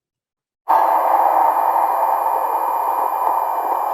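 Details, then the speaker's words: Steady muffled rushing heard through a stethoscope as a blood pressure cuff is inflated during a nursing simulation demonstration, while listening for when the first and last sounds appear. "just blowing up the cuff right now you're listening when do i first hear the sound"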